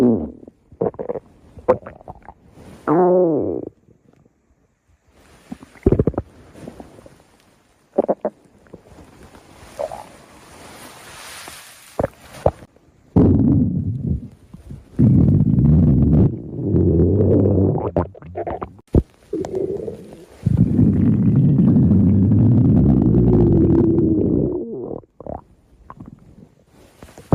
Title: Stomach Growling